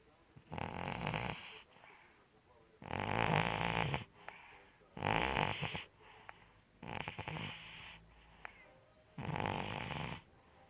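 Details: Cat snoring while asleep; snoring.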